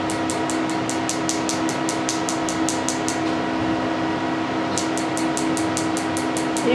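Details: PicoSure picosecond laser during a first tattoo-removal treatment: rapid, regular sharp clicks, a short pause, then the clicks resume over a steady hum; patient says it feels like a static shock.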